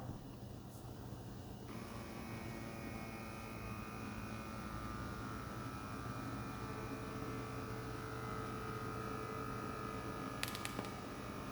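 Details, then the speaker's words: Steady low motor hum with faint rising whine as a portable home automatic blood pressure monitor cuff inflates on the upper arm above the elbow, arm at heart level; reading 116/83, heart rate 65. "the air has been pumping in now this thing is feeling really tight so you can see all the numbers are going right now"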